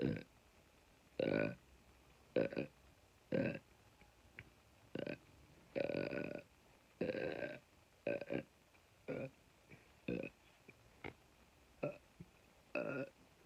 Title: Constant Farting and Burping on command!